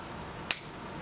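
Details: Single sharp snapping click of a transcranial magnetic stimulation pulse delivered by a magnetic coil over the motor cortex area for the hand and forearm, in a laboratory demonstration eliciting muscle twitches.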